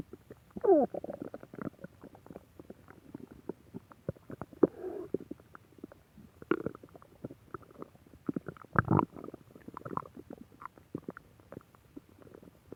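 Continuous gurgling and rumbling with irregular bubbly pops; stomach growling from gas and fluid moving through the gut.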